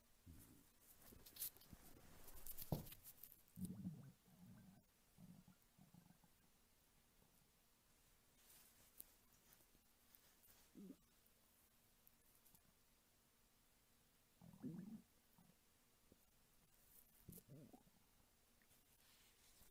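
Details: Hungry adult woman's belly in an ASMR recording: low gurgling stomach rumbles in irregular bursts between quiet stretches, ordinary hunger borborygmi.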